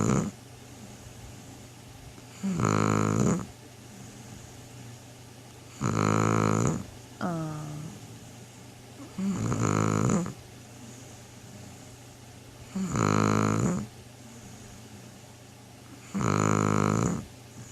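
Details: Shar-pei dog asleep after sleeping all day, snoring loudly and rhythmically: five rasping snores at about 17 breaths a minute.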